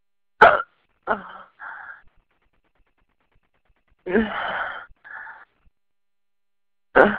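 Sharp, abrupt vocal catches, about four or five over seven seconds, some with a brief voiced tail, consistent with hiccups.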